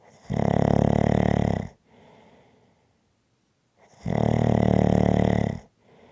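Two long, loud, rattling snores on inhaling, each followed by a soft exhale, at about 15 breaths a minute. Ordinary snoring.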